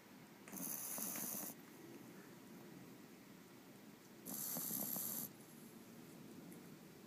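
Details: Foster puppy sleeping soundly, giving two soft, raspy snores about four seconds apart with quiet breathing between; puppy snoring.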